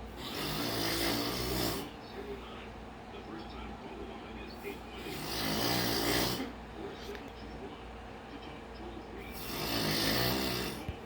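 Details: Loud, rough snores about every four seconds, with quieter noisy breathing between them: snoring.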